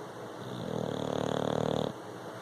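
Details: Single long, rough, fluttering rattling snore lasting over a second from a sleeping dog; snoring.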